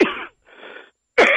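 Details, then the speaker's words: Spontaneous cough from an adult guest during a live radio interview, who apologizes for having a bit of a cough, possibly a circulating cold: two abrupt, harsh cough bursts separated by a short breath in. "Sorry, I just have a bit of cough."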